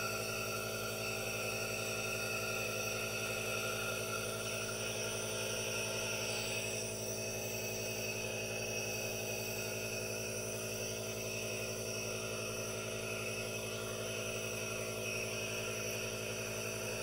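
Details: Aerosol nebulizer running for a no-talking ASMR relaxation recording with hand movements: steady hiss and low motor hum without pauses.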